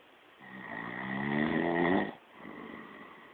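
A low, rattling snore on one breath in, followed by a softer breath out; ordinary snoring during sleep.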